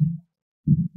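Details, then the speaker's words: Classroom demonstration of normal heart sounds: low, dull thumps in a lub-dub pattern, produced by the heart valves opening and closing; normal heart sounds. "in make that sound because all those valves that we talked about our opening and closing"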